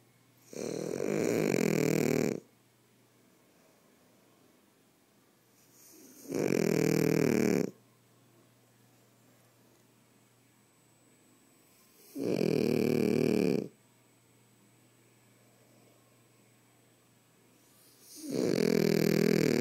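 Four loud, regular rattling snores about every 6 seconds, roughly 10 a minute, in a quiet room: snoring.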